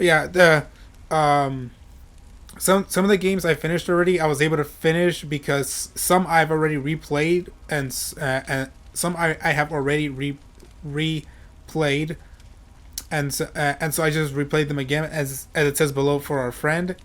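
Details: Adult male with self-reported stuttering, which he says is how he always talks: stuttering.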